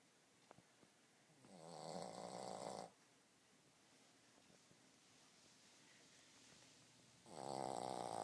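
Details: Boston Terrier dog asleep: loud rattling snores, each lasting over a second, with long quiet gaps between; ordinary dog snoring.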